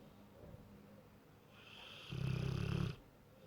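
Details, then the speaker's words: Snoring mastiff asleep cuddling a cat: a low, rattling snore on one breath lasting about a second, over quiet breathing; ordinary snoring. "his snoring keeping you awake? Hey? Is he snoring keeping? Shh! You're waking the cat up. Stop snoring."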